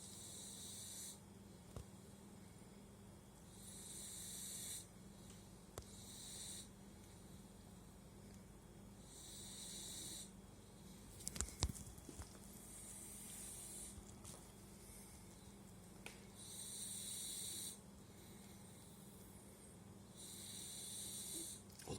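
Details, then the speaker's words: Sleeping puppy snoring with soft, hissing, airy snores at a slow, regular pace over a steady hum, with a few brief knocks; owner attributes it to the dog lying on its throat and compressing its airway. "Вот почему люди храпят. Они передавливают себе дыхательные пути. Лежит на горле, поэтому храпит."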